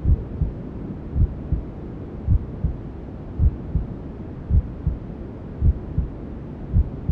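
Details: Newborn sleep-aid womb sounds: steady low maternal heartbeat thumps at about 54 a minute over constant white noise hiss, with other sounds from inside the mother's belly.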